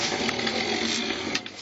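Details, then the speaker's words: Man over 50, somewhat overweight, snoring loudly: a harsh, rattling snore held through one long breath. "Maşallah maşallah birazdan Yanında uyuyan kişi sabır diliyorum Bu 50 yaş üstü biraz daha kilolu bir erkeğin"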